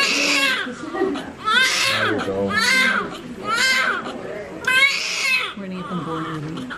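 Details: Newborn boy born a month premature after induced labour, with a knot in the umbilical cord: repeated strong wailing cries in bursts of about a second, adult voices soft in the background.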